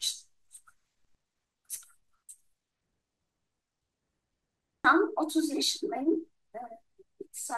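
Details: Grade 3 breathy dysphonia in a young woman with bilateral type 2 sulcus vocalis and muscle tension; voice therapy failed; recorded before surgery.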